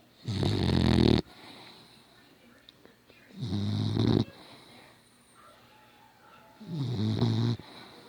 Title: never heard a dog snore so loud before